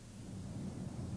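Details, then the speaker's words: Auscultation of the posterior thorax as the patient says "99": muffled, indistinct low voice through the chest wall; normal transmitted voice sounds without bronchophony. "If you hear bronchial or bronchovesicular breath sounds where they should not be, listen for transmitted voice sounds. Now I want to say 99, please. While auscultating the chest, ask the patient to say 99."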